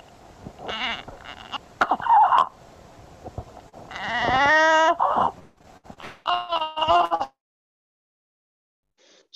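Harsh, high-pitched, musical breath sounds recur with the child's breathing, some with a bleating, whistling quality, between quieter noisy breaths. This is stridor, a sign of narrowing in the upper airway.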